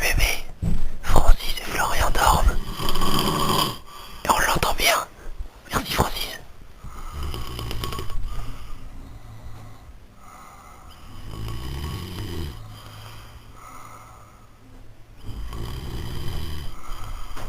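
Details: Two sleepers at night: loud noisy start, then soft low rumbling snores with each breath in at a rapid rate: snoring.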